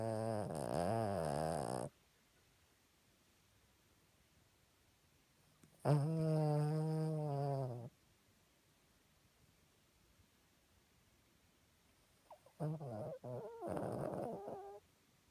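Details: Ravi snoring: three long, deep, vibrating snores over fifteen seconds with quiet pauses between them.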